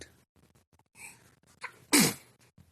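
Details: Two-month-old baby boy sneezing: soft breathing sounds, then a single sharp, high-pitched sneeze burst, quiet room noise.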